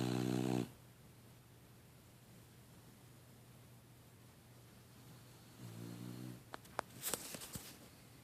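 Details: Sleeping dog snoring: two short, rumbling, buzzy breaths separated by quiet, then a few sharp clicks.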